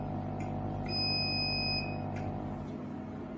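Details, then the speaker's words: CO2 fractional laser in single-pulse mode for mole and dot removal, 15–20 W, 8–10 ms on time, fired by pedal switch point by point: brief high tone with soft clicks over steady machine hum. "Single mode is used for moles and dots removal. Recommend power 15 to 20 W. On time 8 to 10 ms. Click ready. Step on pedal switch. The energy will be output point by point."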